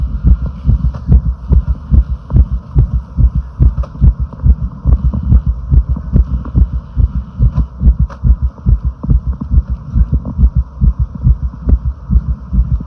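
Fast, steady, thumping heartbeat, roughly 140 beats a minute, with paired beats over a low hum.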